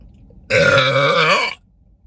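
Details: Girl doing a voluntary burp for a TikTok burping compilation: one loud, sustained, croaking belch lasting about a second.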